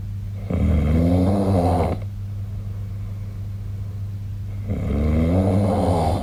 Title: 🐽 本日のイビキ / Snoring Sleep Sound 2025/03/08